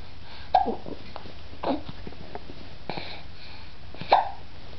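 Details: Baby girl, made to laugh just before, has hiccups: four short, sharp hiccups about every second, each a brief catch with a soft voiced squeak, over quiet room hum; ordinary harmless infant hiccups.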